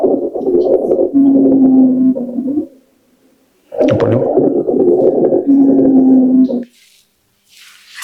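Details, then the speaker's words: Stethoscope recording of a child's lungs with bronchiolitis, played as a demonstration of auscultation sounds: two noisy breaths, each with fine crackles and a steady low musical wheeze. "Este ruido que hace la bronchiquiolitis y así se escucha un pulmón con neumonía."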